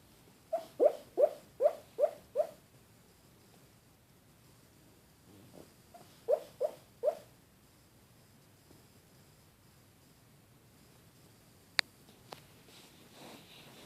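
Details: Dublin, a pug, asleep: two runs of soft, high, rhythmic squeaks, five then three, harmless squeaking noises during sleep.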